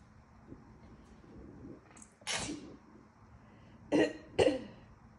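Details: Three sharp, wet sneezes after a faint breathy build-up, induced in a congested person still recovering from a cold with a sensitive nose and a slightly lost voice; a kitten is in the background.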